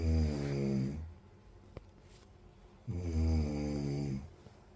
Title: Snoring Hrkanje